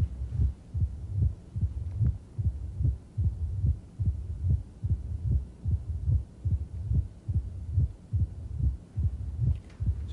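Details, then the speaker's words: Mitral stenosis in a patient in left lateral decubitus position, stethoscope at and just inside the apical impulse; regular rhythm about 72/min; opening snap initiating a low-frequency grumbling diastolic rumble that stops at the QRS. "low-frequency grumbling murmur [Music] initiating the murmur is an opening snap but it's hard to pay attention to the opening step because the murmur grabs your attention so quickly"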